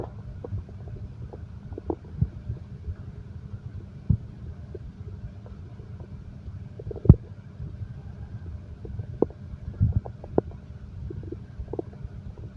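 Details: Low irregular gurgles and rumbles with scattered clicks over a soft background rumble, from a heartbeat-and-stomach-growl relaxation recording: ordinary bowel sounds.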